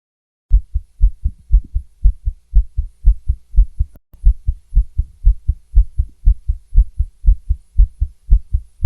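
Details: Stethoscope recording of a female's fast heartbeat, about 118 a minute, low thumps with an occasional irregular pause, a rapid heartbeat with some skipped beats.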